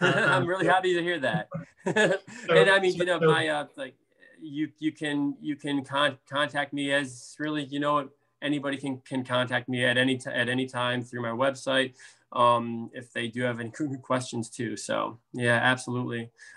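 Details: Stuttering with word and phrase repetitions in an adult man, a speech therapist who stutters.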